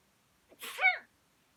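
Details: Sneeze: a short intake followed by one sharp, hissing, high-pitched burst ending in a brief squeak.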